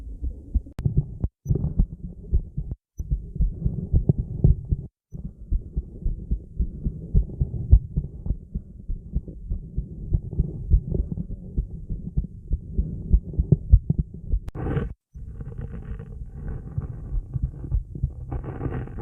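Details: Female heartbeat with stomach growling, recorded on a mobile: steady low heartbeat thumps with bubbling stomach gurgles breaking in toward the end.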